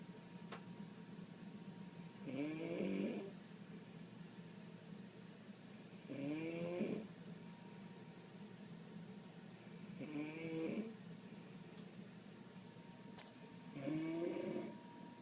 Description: My friend snoring